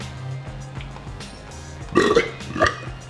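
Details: A loud, drawn-out burp with a second shorter one, over background music, from a group burp compilation; burping.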